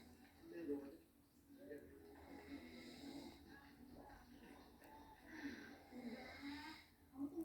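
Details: Adult father snoring while asleep, filmed by his wife or daughter because he did not believe he snores: soft, rough snoring sounds on breathing in, with faint talk in the background.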